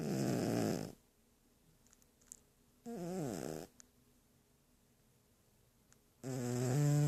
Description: Sleeping cat snores